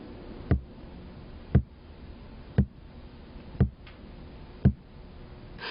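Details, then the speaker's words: Regular soft thumps about 58 a minute over the brachial artery as the cuff deflates: Korotkoff sounds heard from systolic onset during manual blood pressure measurement; nursing training demonstration. "through the brachial artery and you will start hearing the pulse this is called a karatekoff sound and the sound may change as you listen"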